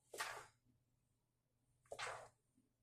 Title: sneeze attack into sleeve #sneeze #allergy